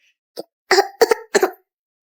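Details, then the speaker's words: A baby suddenly coughs, a brief run of short coughs, a small one followed by three fuller bursts. "non batuk ya he bolehin ya"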